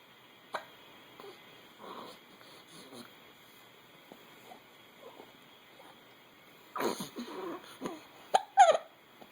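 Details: A young child with hiccups: sharp little catches in a soft, quiet room, a few clustered at the end.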